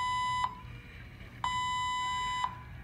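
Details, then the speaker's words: Loud steady high beeps, each about a second and repeating for about half an hour at night, from an infusion pump at the bedside of a patient hospitalized for foot surgery; an unanswered infusion pump alarm. "That's just to let the nurses know that they need to come and check it out. And for some reason, no one seems to care."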